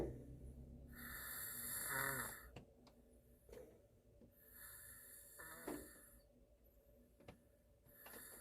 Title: Korean boyfriend snoring sound in the car. Snowfall. 눈 오는 날 차 안에서